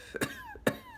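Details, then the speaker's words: Adult with COVID, no fever, and a headache worsened by coughing: two sharp, dry hacking coughs in quick succession without wet or rattling sounds, a persistent dry cough. "like every like i'm just permanently coughing now just a really gross hacking dry cough and i also have a headache so it's like every time i cough my head hurts at the same time really bad"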